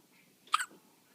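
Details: A single soft, abrupt hiccup from a baby in a quiet room; hiccup.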